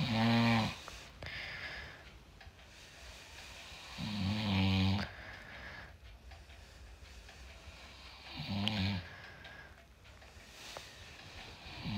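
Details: Husband snoring during sleep: loud, rattling, low-pitched snores on inhalation, roughly every four seconds, over quiet room noise.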